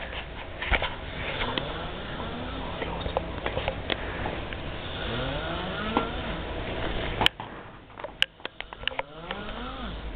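Loud, rough, rattling snoring sounds with sniffs, an imitation of heavy snoring.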